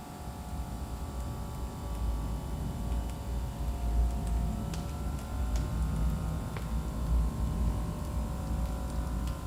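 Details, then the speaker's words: Omron M2 Intelli IT digital upper-arm blood pressure monitor inflating its cuff. The user sits upright with the arm resting on a table and stays silent. A low, steady motor hum with soft rising tones is heard during the measurement. "my camera is picking up so we're going to be able to compare my speaking voice to the noise that the machine makes"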